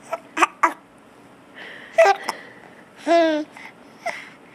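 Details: Several short, sharp, abrupt hiccups at irregular intervals with one brief voiced squeak, from someone who finds his hiccups funny; hiccups.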